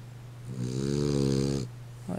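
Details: Snoring of an animal ("the critter's snore"): a single long, buzzing, pitched snore on one breath with steady background hum.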